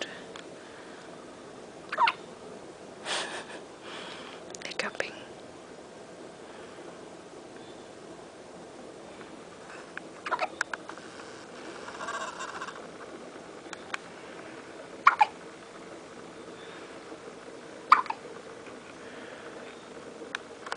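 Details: Child hiccuping: short, sharp hiccups at irregular intervals against quiet room noise.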